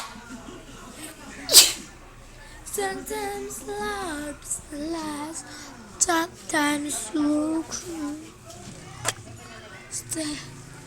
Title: SOMEONE LIKE YOU (WITH SNEEZE)